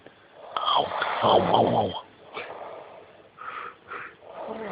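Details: Man snoring during efforts to stop his snoring, part 3: loud rattling noise on inhalation, then softer breathy sounds.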